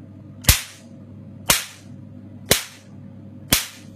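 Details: Pico Nd:YAG tattoo-removal laser (755nm Picosure-type machine with 1064nm heads, spot size 1–9 mm) firing: four sharp snapping pops about one second apart, about 60 a minute.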